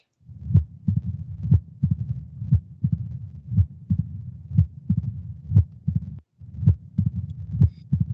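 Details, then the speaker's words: Mitral stenosis in a woman with diffuse alveolar hemorrhage, diagnosed by echocardiogram: heart near 60 a minute, loud S1, quiet systole, S2 then opening snap and long low rumbling diastolic murmur louder just before S1. "the loudest sound in the clip is s1 and then systole is relatively quiet you'll hear s2 and then you'll hear an extra sound after s2 which is an opening snap you'll hear a long rumbling diastolic murmur"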